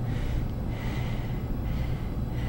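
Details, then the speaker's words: Simulated obstructive sleep apnea acted for a sleep lab demonstration: breathing stops with no effort, then effort returns, the airway pops open with heavy snorting breaths and overbreathing for a period; can recur 40–60+ times an hour. "Stops breathing. So there stops breathing, pops the airway open, and then overbreathes for a period of time."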